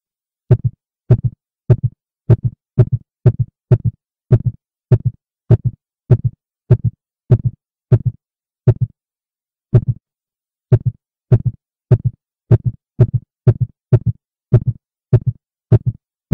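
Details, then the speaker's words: Clear lub-dub heartbeat speeding up as lungs fill on inhalation and slowing as they empty, during paced breathing near six breaths per minute: normal respiratory sinus arrhythmia. "listen to the sound of the heartbeat and how it speeds up when the lungs are filling and slows down and when the lungs are empty"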